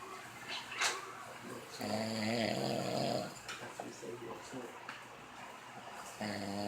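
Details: Snoring in sleep: rough, buzzing breath sounds, loudest on a long drawn breath, with room noise.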